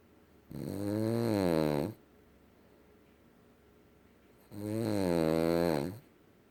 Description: Kyzer is 1/2 miniature boxer 1/2 boston terrier snoring up a storm